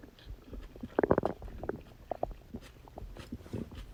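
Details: Short bubbling gurgles and squelching rumbles from the belly on a birthday after eating cake: ordinary stomach growling (borborygmi) from gut movement.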